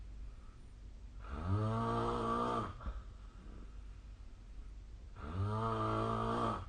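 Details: Snoring during sleep recorded with a snore-tracking app: two loud, rattling snores on inhaling, each about 1.5 seconds long, separated by quiet breathing.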